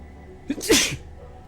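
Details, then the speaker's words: Adult, a self-described loud sneezer, deliberately sneezing as quietly as possible: a quick catching inhale, then one sharp, hissing burst of air. "That was me actively trying to sneeze as quietly as I could. And that's as quiet as I got it."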